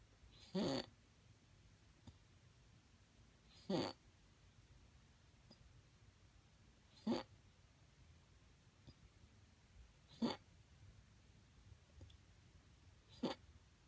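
Brief sharp bursts about every three seconds, roughly 19 a minute, from a resting cat in a quiet room. These are hiccups.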